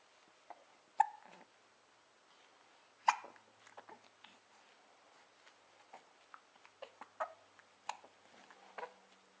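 Short, abrupt gulping sounds recurring every couple of seconds, fitting hiccups.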